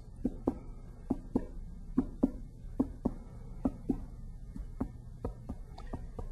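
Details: Abdominal percussion on an adult man (the examiner's father) with no abdominal pain, the note changing from tympany to liver dullness.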